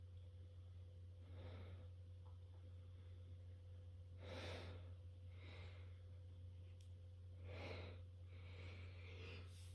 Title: Three quick sneezes